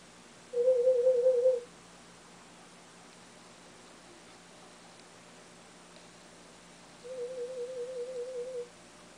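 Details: Cochlear implant user's third hearing test at an ear unit: two warbling pure tones of about a second each, the second softer, in a quiet room; the hearing level reached the speech banana. Audiometry test tones.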